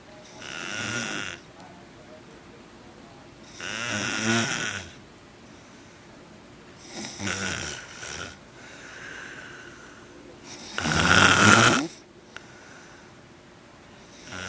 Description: i caught my cousin snoring on our couch. in my opinion, he sonds kinda like a fishing reel. lol